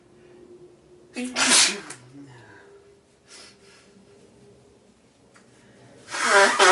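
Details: Two loud, explosive sneezes several seconds apart from a person with an itchy nose but no blocked nose, with quiet breathing and room noise between them.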